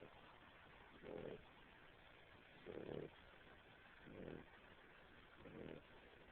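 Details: Puppy a little under 3 months old snoring: four soft, low snoring breaths about every one and a half seconds through a steady hiss from poor-quality audio.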